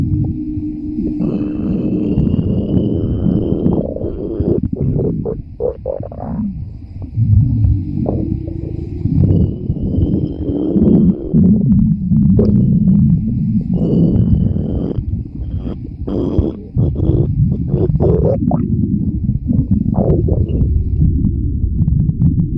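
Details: Continuous low rumbling and bubbly gurgles of a woman's growling stomach (borborygmi) recorded at the beach, faint high tones in background.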